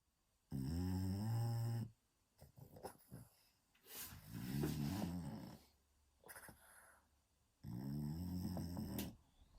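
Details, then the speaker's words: Male French Bulldog, genuinely asleep with eyes half open, giving deep rattling snores about 17 a minute with a few snorts between them; snoring. "But every single one of my videos I do, he's snoring in the background."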